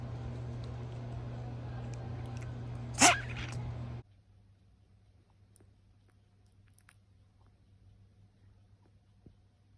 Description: Funny dogs sneezing compilation!